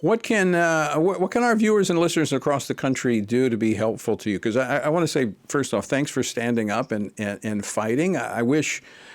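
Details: Adult man speaking; ordinary speech.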